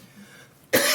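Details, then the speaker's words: Adult man at a committee meeting coughing; others joke it is a "COVID cough", but he says he does not think he has COVID: one abrupt, forceful cough, cut off mid-sound. "I call I call that the co cough."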